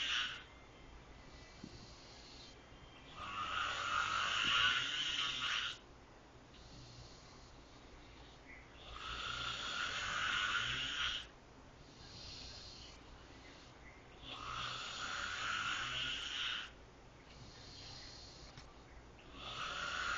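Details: Snoring loud enough to wake the owner: loud, harsh rasping snores about every five to six seconds, roughly 11 breaths a minute, with quieter breathing between them.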